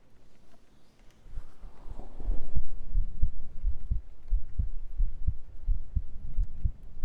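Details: Soft, regular low heartbeat thumps, roughly 70 a minute, with faint rustling at the start, picked up by microphone during a live ASMR stream; normal heartbeat.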